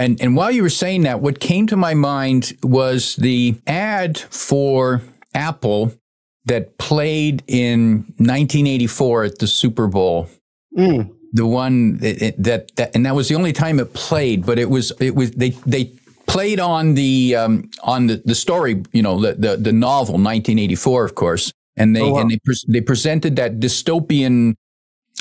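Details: Adult male speaker; conversational speech.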